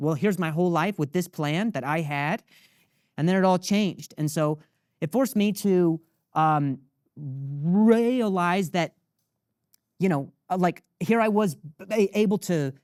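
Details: Adult man with acquired persistent stutter since age 20, after a softball hit his throat and he fell and hit his head; diagnosed as minor vocal contusion with major concussion, later traumatic brain injury; stutter can sound staccato; stuttering.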